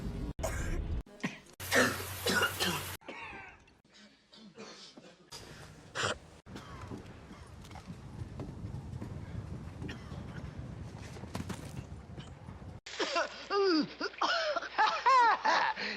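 Several short acted coughs and throat clears cut together from films, with movie dialogue, music and background noise between them.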